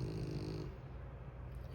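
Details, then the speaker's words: A pet dog snoring loudly while lying right under its owner's feet, with beach noise in the background. "and for those of you who hear that noise that is my dog snoring. He's literally like right up under my feet snoring."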